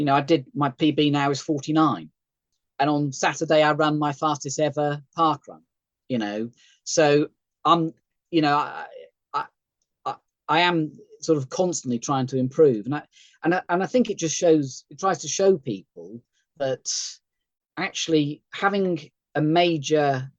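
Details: Aphasia in an adult male stroke survivor after a thalamic stroke, with type 2 diabetes and partial sight; occasional word-finding hesitations, recorded on a good day.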